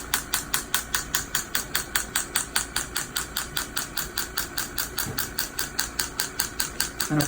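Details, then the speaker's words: Rapid, steady mechanical clicking pulses about 150 a minute from an extracorporeal shockwave device with a very small head, treating Achilles tendonitis in a young man, one of a series after a PRP injection. "we're actually doing a series of shock wave treatments to things yes we're going to be doing a series of shock wave treatments to bring more blood flow to the area"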